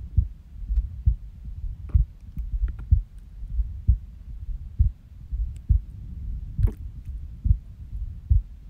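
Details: Resting heartbeat after waking from a nap: low, dull beats about 67 a minute, unevenly spaced with occasional longer gaps; irregular heartbeat with skipped beats.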